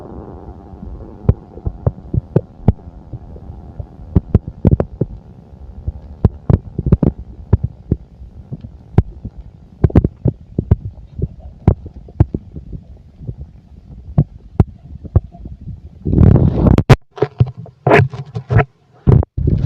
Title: the sound of a full stomach part 2